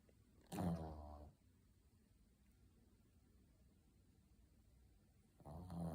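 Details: Dog snoring while asleep and tired: two rumbling, fluttering snores about five seconds apart, with quiet room noise between them.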